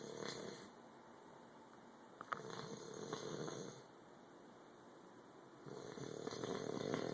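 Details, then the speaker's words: Very drunk man snoring loudly: loud rattling snores on the in-breath, two breaths separated by quiet out-breaths, with some room noise; heavy snoring. "all right you gota listen to this dude snoring"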